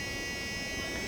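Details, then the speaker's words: Medical assistant skills demonstration: loud, steady high-pitched buzzing whine from an oscillating cast saw, whose blade vibrates back and forth cutting only fiberglass, running before removing a patient's cast. "we have a special cast sock cutter that will only cut fiberglass material not skin the blade does not rotate it vibrates back and forth"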